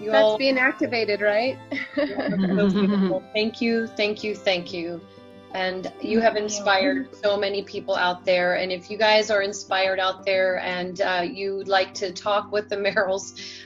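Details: Adult woman speaking; normal speech.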